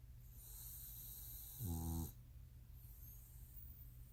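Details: Dog snoring: one short, low, rattling snore over a steady hum and a high background whine.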